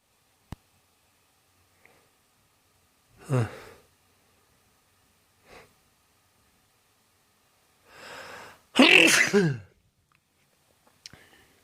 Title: Xmas spirit sneezes